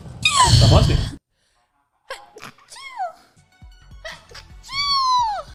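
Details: One loud, explosive sneeze, then squeaky calls and background sounds; a cat is mentioned just after; sneezing.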